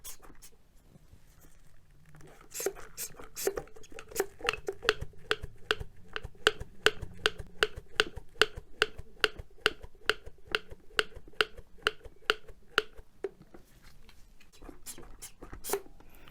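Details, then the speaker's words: Basic airway management training demonstration for first aid at sea: a manual suction device with its tube in the mouth, sucking and sweeping on exit. Rapid, fairly regular squelching pumps, about 140 a minute. "So what we do is we open up the mouth, we get our manual suction device, and you pop the tube in only as far as you can see, and then you suck and sweep as you exit the mouth."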